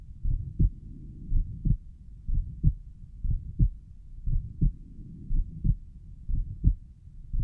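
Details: Self-recorded heart at the pulmonic valve: regular heartbeat near 59 a minute, each first sound followed by a soft whooshing noise before the second; the recorder suspects a mid-systolic murmur.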